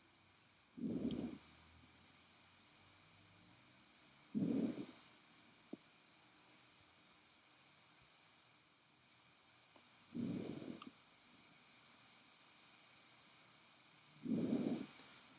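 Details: Veterinary auscultation teaching: stethoscope moved from the trachea out over the lung, giving normal vesicular breath sounds, the same tracheal sound but softer.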